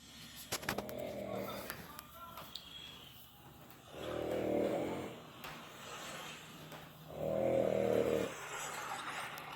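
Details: 28-year-old man asleep in his dinner after taking Xanax: loud, rough, rumbling inspiratory snores, about two in ten seconds, with background room noise; heavy snoring.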